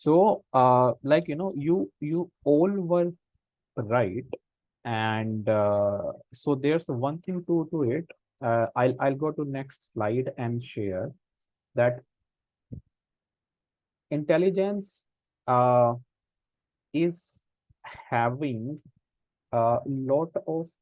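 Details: Adult man who stammers, senior volunteer of a self-help association of people who stammer, with audible word repetitions in an online talk; stammering.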